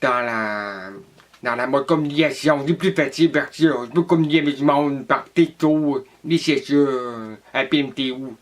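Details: Deaf adult, deafness diagnosed at age 3, hearing aids from age 4, attended a school for the deaf, implant received at age 28; deaf speech.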